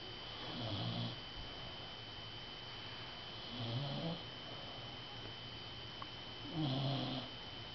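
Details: Male dog snoring: soft, rhythmic snoring on each breath in, about 20 breaths a minute, over steady background hum.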